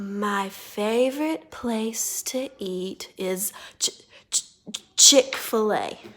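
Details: Female speech therapist deliberately producing bumpy, non-fluent speech on one word for a student to judge, then repeating the sentence smoothly after a breath; acted stuttering (demonstrated).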